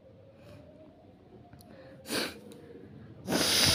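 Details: Quiet breathing, then two sharp hissing sneeze bursts, the second louder, in a sneezing and nose-blowing challenge using a matchstick.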